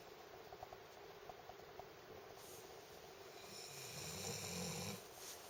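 Low, rough snoring noise rising on a breath toward the end, over steady room noise; ordinary snoring.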